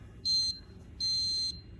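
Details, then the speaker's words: Digital oxygen regulator on a 2000 psi oxygen tank signalling the tank has been closed: two high beeps, the second a little longer (one beep signals opening); normal device signal. "beeps two times with the second beep a little bit longer"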